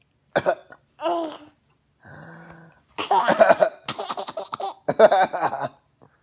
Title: Cough, laugh